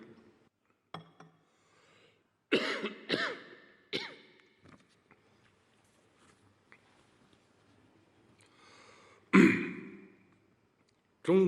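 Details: Chinese President coughing during a speech at the Shenzhen Special Economic Zone 40th anniversary, 4 times in the last 10 minutes: short, dry adult coughs at a microphone, with quiet pauses between.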